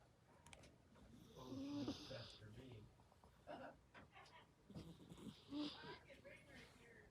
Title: Olive snoring